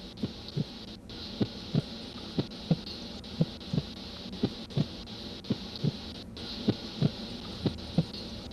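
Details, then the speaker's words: Manual blood pressure measurement, cuff inflated to 200 mmHg and slowly released: regular paired thumps at about 57/min over cuff hiss; first sound marks systolic, last marks diastolic; Korotkoff sounds. "The first lub-dub sound that you will hear is systolic blood pressure. Immediately after the last lub-dub sound will be diastolic."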